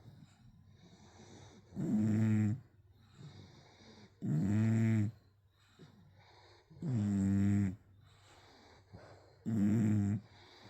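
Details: Four deep, rumbling snores on breathing in, about 24 a minute, with softer snuffling breaths between, from a sleeping English Bulldog, with music in the background; snoring.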